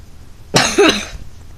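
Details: Single short, harsh cough burst from an adult in a quiet room; the speaker says he is sick and not feeling well; cough.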